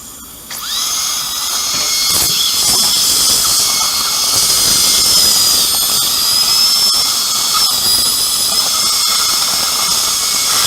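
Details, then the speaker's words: Upper second molar sectioned with a diamond bur before immediate implant placement, roots fused like a single root: high-pitched steady whine of a dental drill with water spray, slight pitch dips as it cuts tooth. "Tốt hơn là tôi nên cắt nó đi Làm ơn cho tôi một mũi khoan kim cương Một ít nước chảy ra"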